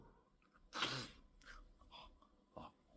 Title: Bollywood Mimicry - How Actors Sneeze